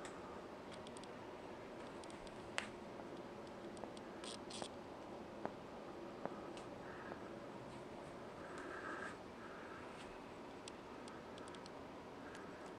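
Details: Elbow joint clicking (crepitus) on forearm pronation/supination in a student with baseball elbow and shoulder injured two years ago, shoulder improved without pain, before treatment; several sharp, isolated clicks as the forearm rotates.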